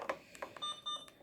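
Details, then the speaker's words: Alaris PCA pump with an attached CO2 monitor, during setup and programming of a loading dose: short electronic key clicks, then two repeated high alert beeps signalling something is not right. "you get you'll get alerts like that if things aren't right"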